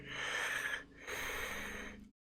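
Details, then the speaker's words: Adult imitating wheezing: two noisy, raspy breaths with a faint whistling edge, demonstrating the sound of having trouble breathing. "Wheeze. So when you wheeze it's like I'm going to try and reproduce it."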